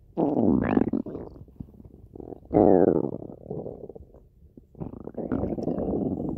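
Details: Rabbit's belly: bubbling, gurgling rumbles in a few long runs, normal gut sounds of active digestion; bowel sounds.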